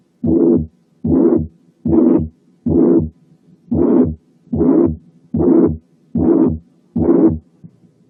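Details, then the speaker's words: Mitral regurgitation: pansystolic blowing murmur at about 74 beats a minute, starting with and merging into the first sound, of even intensity throughout and filling all of systole. "أولا تكون مبتدية من الفيرست ساوند لدرجة إن الفيرست ساوند بيبقى جزء من الميرمر ويمكن يكون مش واضح، يعني مفرد. ثانيا إن الانتنسيتي بتاعتها واحدة لا تتغير من الأول للآخر."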